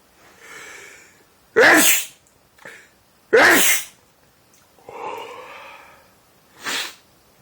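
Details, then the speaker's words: Adult man who sneezes uncontrollably 5–50 times daily since 2011, doctor-diagnosed allergies to dust, pollen and trees: several breathy in-breaths, each followed by a sharp explosive burst; a run of sneezes. "And that's your daily sneeze."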